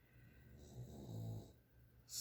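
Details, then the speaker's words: A sleeping dog snores during a card-making recording: one low, rattling snore rising and fading over a long breath, with faint room hiss behind it; ordinary snoring. "I don't know if you can hear the dog snoring"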